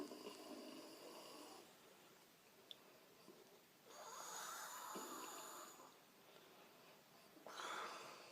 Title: Snoring woman #funny